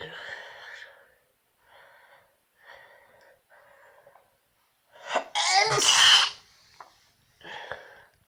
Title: Sneezing self induce